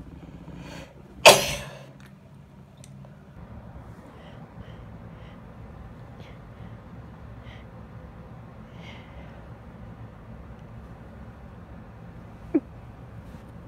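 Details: One loud sneeze, possibly from hay fever or a cold, with "(F)" suggesting a female, early on over a steady low background hum, then quiet room noise and a faint click near the end.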